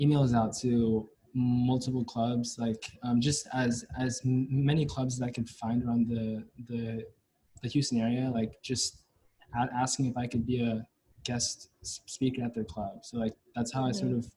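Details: Stuttering in a male senior university student, present since about age five or six, with blocks and getting stuck on sounds.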